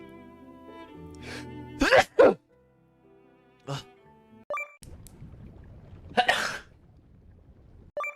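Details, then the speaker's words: Sneeze from a VTuber streamer who first announces needing to sneeze: sharp, breathy bursts over soft music, the loudest pair fitting a sneeze, followed by a few short noisy bursts. "I need to sneeze. I'm about to sneeze."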